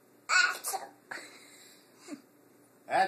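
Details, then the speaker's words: Two abrupt sneezes a moment apart from a young girl, with faint vocal sounds and room noise between; she is then asked if she feels better; sneezing. "you don't have any more sneezes huh you feel better now after you sneezed I you feel better huh"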